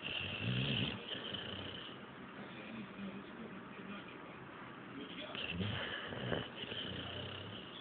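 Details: Snoring: low, rough, snorting breath sounds with a steady background hiss.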